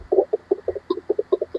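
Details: Rapid, regular pulsing thumps from a handheld pocket fetal Doppler (model JSL1501) in a demonstration, the typical sound of its heartbeat output.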